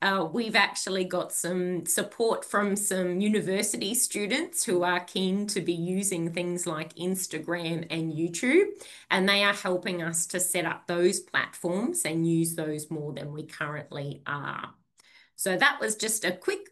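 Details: Adult woman speaking; Normal speech.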